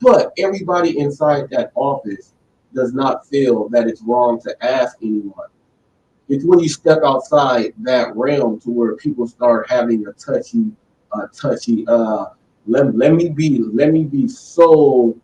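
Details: Stuttering in a male who says he was born with it, has struggled since childhood, and is much better now; word repetitions heard.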